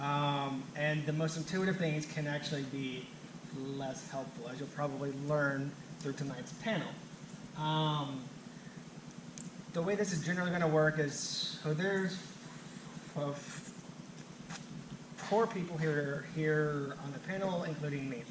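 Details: Adult who stutters, himself a clinician specialising in stuttering and fluency disorders; stuttering during public speaking that he reports makes him anxious.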